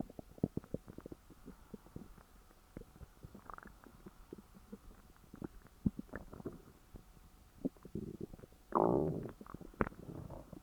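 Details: Stomach growling after overeating (stuffing gone wrong): scattered gurgles and clicks with a louder rumbling growl near the end, active bowel sounds.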